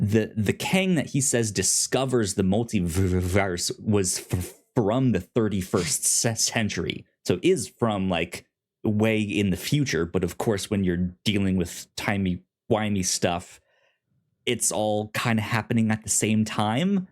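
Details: Self-reported stuttering in a male podcast host.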